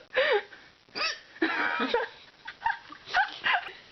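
Several brief, sharp, voiced hiccup sounds at irregular intervals, roughly seven in four seconds; ordinary hiccups.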